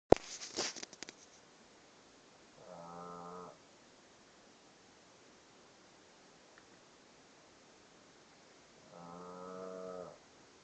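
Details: Snoring during sleep: two buzzing, rattling snores about six seconds apart over low room hiss.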